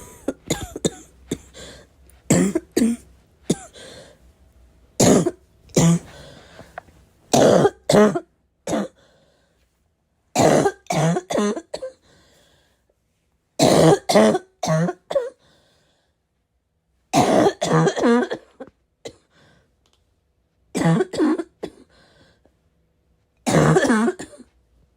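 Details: Constant barking cough: repeated harsh, barking coughs in clusters with throat clearing, separated by brief quiet pauses.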